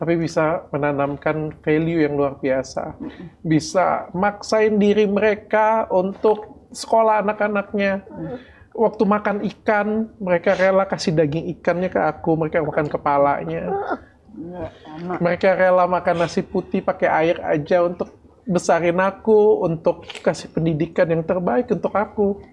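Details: Adult man; normal speech.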